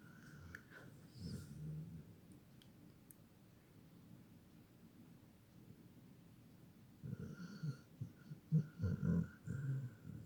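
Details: Dog named Buffy snoring; low, rough, rattling breaths, quiet at first, then louder snorting bursts much like a person snoring: dog snoring.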